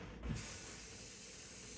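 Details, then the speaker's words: Vapocoolant cold spray on the skin during hormone (testosterone, estrogen) pellet insertion, sprayed at the same site before the small incision: a continuous hissing aerosol spray to numb the skin. "so the next step is to make your tiny little incision but I do that after another coal spray so we go back into that same hole that we made so we don't create a new hole"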